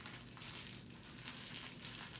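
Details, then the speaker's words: Ostomy pouch crinkling: steady crinkling and rustling as the bag is scrunched by hand in a small room; the wearer feels pouch crinkle is minimal and quieter than people think. "I don't know as far as the crinkle on the bag I think it's very minimal I don't think it's as bad as people are saying that it is"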